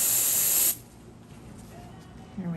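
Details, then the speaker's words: Short loud hiss of vapocoolant cold spray, then quiet room sound, numbing the digit before anaesthetic for an infected ingrown nail from picking, with possible pus, in an 18-year-old male on antibiotics. "let's get this one done and the worst part's over right smooth sailing from there here comes the cold spray"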